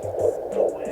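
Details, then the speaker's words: Early pregnancy, first pregnancy after a miscarriage: short clip of rapid whooshing pulses through a Doppler, the fetal heartbeat. "so here's the clip of the heartbeat though it's short but"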